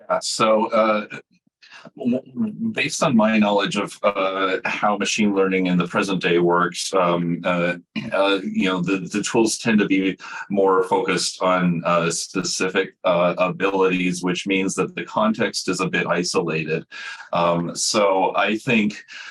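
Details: Adult male speaker; normal conversational speech.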